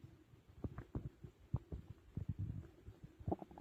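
Low, frequent rumbling gurgles in quick bursts. Stomach growling from normal digestion after a large meal.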